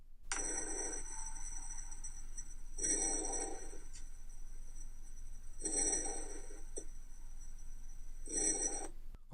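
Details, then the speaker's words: Pulmonary auscultation of normal vesicular breath sounds: soft, low-pitched rustling heard during inspiration and early expiration, reflecting air passing into the alveoli, repeating regularly. "elle permettra d'apprécier le murmure vésiculaires quitte un son doux à tonalité basse témoignant du passage de l'air dans les alvéoles pulmonaires il est perceptible pendant l'inspiration et au début de l'expiration"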